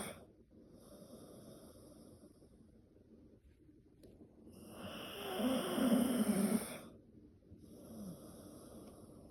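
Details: Snoring from a sleeping pet dog: rough, rattling breaths, one louder and deeper, separated by quiet pauses.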